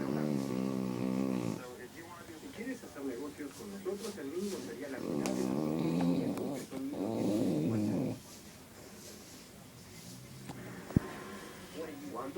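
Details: Sleeping beagle dog snoring: loud rattling snores in bursts with quieter breathing between.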